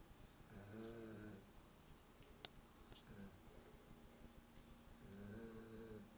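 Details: Low, quiet, rumbling snores from a sleeping German Shepherd dog, about two breaths in six seconds, with a faint click between them; snoring.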